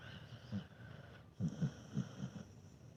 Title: Dog snores not too bad. Dog snoring when sleeping